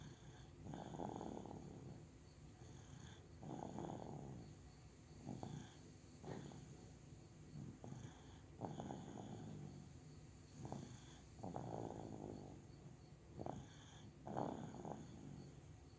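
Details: Soft, irregular rattling snores with each breath in, about 20 a minute, from a sleeping male over faint room noise; ordinary sleep snoring.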